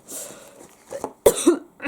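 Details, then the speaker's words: Woman with breast cancer on chemotherapy, cycle 2 day 8, with breathlessness and a cough that may be old or a treatment side effect: two short, dry, unproductive coughs with a breath between. "Anyway, right, before I start coughing,"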